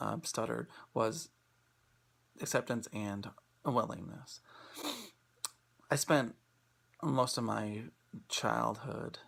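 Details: Adult male speaker; stuttering.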